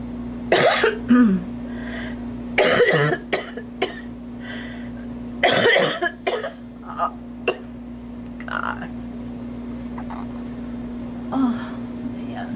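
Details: Mature woman with recurrent harsh coughing bouts and throat clearing while doing her makeup, which she blames on allergy.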